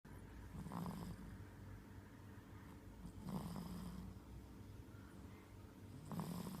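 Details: Infant asleep after tiring play with its mother: soft, rough snoring sounds repeating about 23 times a minute over steady low background noise; snoring.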